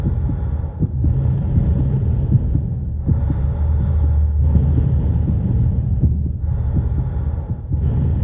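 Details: Heart and lung sounds: low, muffled heart thumps under a steady whooshing of breathing, from a stock sound-effect recording.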